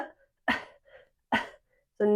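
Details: Deliberate demonstration coughs while teaching a pelvic floor technique to reduce leakage when coughing or sneezing: two short, sharp cough bursts with brief quiet gaps, ending on a voiced sound, in a small room.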